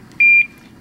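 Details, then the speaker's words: Single short electronic beep from a PCA pump when the patient presses the dose button within the lockout interval between boluses, so no medication is delivered (two beeps would mean a dose given). "they would hear one beep. One beep, that means it's not enough time in between each bololis, so they will not receive the medication."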